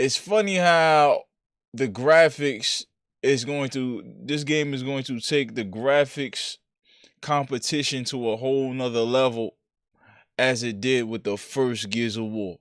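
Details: Adult male speaker; Normal speech.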